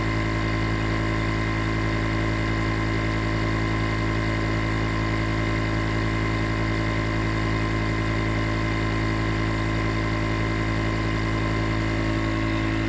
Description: Enjoy 20 minutes nebulizer sounds that can help to relax the mind and body, relieve stress and make fall asleep fast.